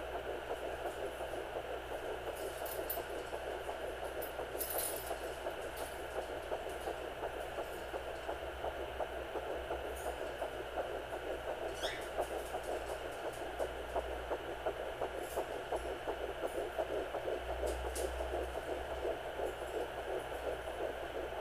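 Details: Fetal heartbeat at 9 weeks on a Sonoline B handheld Doppler: rapid, regular whooshing pulses near 170 beats a minute.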